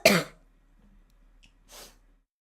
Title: Girl coughing 221